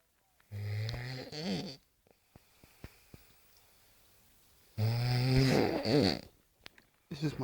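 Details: Adult snoring heavily: loud, buzzing, vibrating breaths with a wavering pitch, separated by pauses with faint clicks; snoring.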